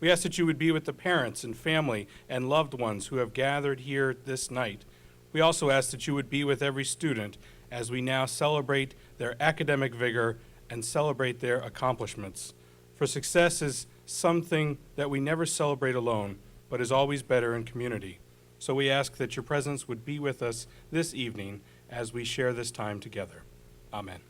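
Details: Adult male speaker; normal voice.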